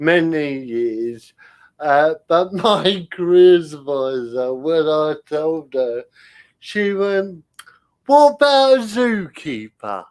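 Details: Dysarthria in an adult male with spastic cerebral palsy. He cannot control his limbs properly and his speech is affected. He attributes it to lack of oxygen at birth, when he stopped breathing.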